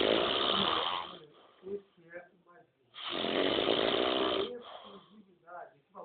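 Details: Adult man (father) sleeping: two long, loud, rattling snores with quiet pauses between, television talk in the background. Snoring.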